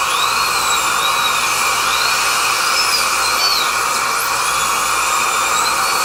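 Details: Real dental drill heard from the patient's chair: steady high-pitched whine, pitch shifting slightly as it works.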